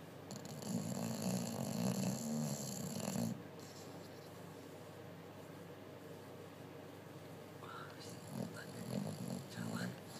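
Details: Bulldog sleeping loudly after a busy day, dreaming: low, rough snoring breaths with snuffly sounds and faint whimpers; snoring.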